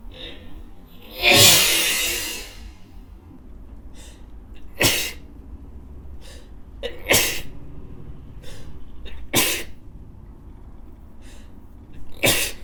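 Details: Adult woman sneezes five times in quick succession while cleaning, with short indrawn breaths between bursts; repeated sneezing.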